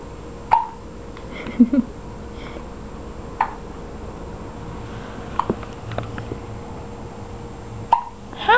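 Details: Infant twin boys with hiccups: several short, sharp, high-pitched catches at irregular intervals in a quiet room with a steady background hum.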